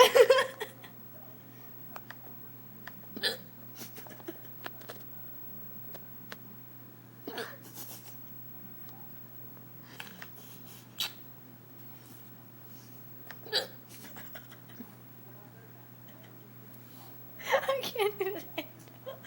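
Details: Person hiccuping, repeated short, abrupt gulping hics at irregular intervals over about twenty seconds, low hum behind; hiccups.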